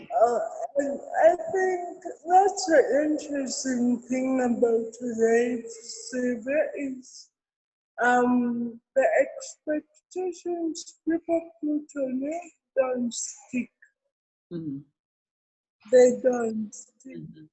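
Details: Adult woman born with cerebral palsy; dysarthria.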